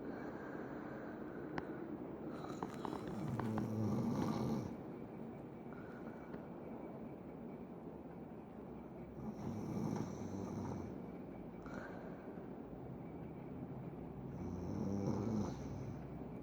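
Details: Snoring: rough, rattling snores recurring about every five to six seconds over steady background noise.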